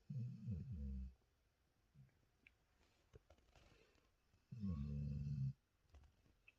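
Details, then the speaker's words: Two loud, rattling, rumbling snores with soft breathing between them from a sleeping female animal, tired after a day at the lake; the owner says she snores louder than her partner. "Incroyable comme elle ronfle, c'est incroyable. Elle ronfle plus fort que mon chéri."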